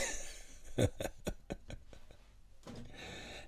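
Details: Adult recovering from COVID-19, around day 12 with a still-tight chest: a quick run of about five short, dry coughs fading in strength, in a small quiet room.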